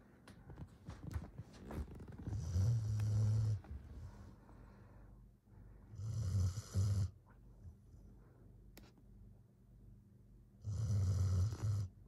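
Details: 13-year-7-month-old border collie in deep morning sleep: low, fluttering snores in irregular bursts with short snorts between; dog snoring.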